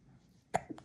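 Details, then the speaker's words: After quiet room noise, a baby gives one sharp, abrupt throat sound with a faint follow-up, a single infant hiccup during a bout of hiccups. "你看你在打嗝哦，大声，自己听。哦，好响亮的声音哦。"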